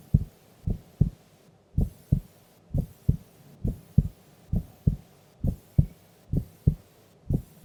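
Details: Heartbeat of a sleeping female during an afternoon nap: steady paired lub-dub beats at about 70 a minute with faint background hiss, normal resting heart sounds.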